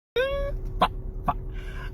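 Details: A brief high squeal followed by two sharp cough-like bursts from a man with Tourette syndrome, fitting simple involuntary vocal tics.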